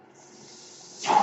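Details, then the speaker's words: Mechanical ventilator noise heard during a podcast recording by its user; a brief airy hiss rises sharply at the end of a quiet stretch, the ventilator delivering a breath. "that noise you hear is my ventilator."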